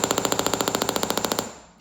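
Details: Radial shockwave (EPAT) device fitted with the widest spine-actor applicator, worked along the lumbar spine at a 45-degree angle with indent pressure for fascia release. Rapid, regular sharp clicking pulses, about twenty in 1.5 seconds, fading at the end.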